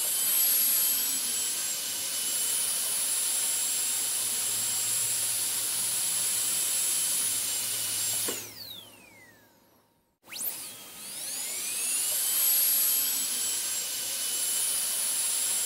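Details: Dental drill, ASMR on-and-off recording: a high-pitched steady whine winds down to silence, then spins back up to full speed.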